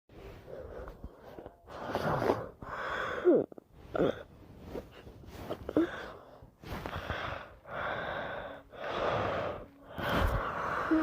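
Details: About six cycles of noisy, rasping breaths with snorting and gasping catches on inhalation; snoring.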